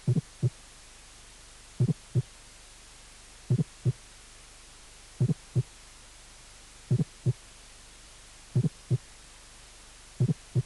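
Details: Fourth heart sound (S4 gallop), a teaching recording from a cardiac auscultation course, presented after normal heart sounds and second-sound splitting examples.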